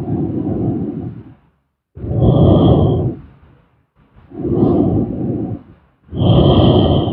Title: SLEEP STREAM ASMR SLEEPING SOUND|Snoring